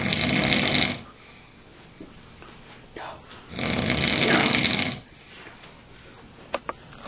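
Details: Dad sleeping on a couch: two loud, harsh, rasping snores a few seconds apart with quiet breathing between; heavy snoring during sleep.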